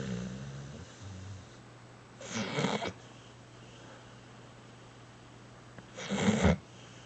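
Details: Dog aged 3.5 years snoring while asleep: two rough, rattling snores about four seconds apart over quiet room noise.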